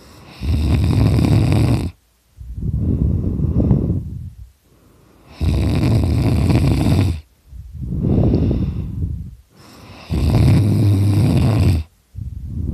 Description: Hey, this is me snoring I was taking a nap and I started snoring really loud it's really funny